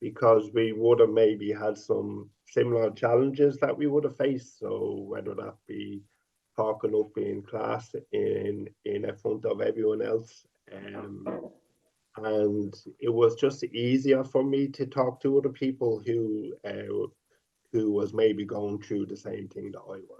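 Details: Adult man who stutters, speaking openly; stuttering with word and part-word repetitions, sound prolongations and fillers.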